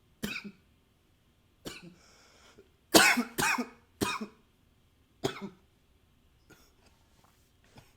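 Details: Recorded with a new high-fidelity microphone: about seven sharp, forceful coughs, some paired, separated by pauses with faint breathing and rustling; repeated coughing.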